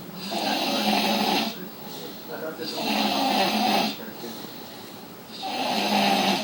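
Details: Loud, harsh, rasping snores on each breath, about three in six seconds with brief pauses between, during sleep; heavy snoring.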